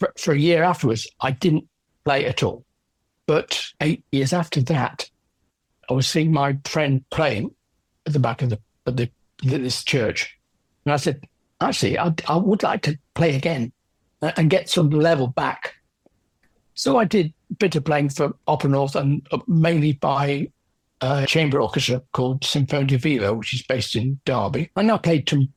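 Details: Adult man with aphasia after a stroke from a left middle cerebral artery blockage 10 years earlier; no speech at first, now improved with persisting word-finding difficulty.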